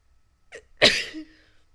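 A short intake of breath, then one sharp explosive sneeze with a brief voiced tail; an ordinary single sneeze.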